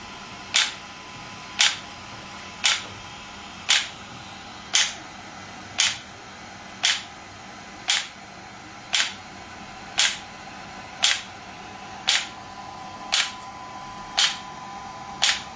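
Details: Shockwave therapy device (SW5S) firing during treatment: sharp, regular clicking pulses at about 57 per minute.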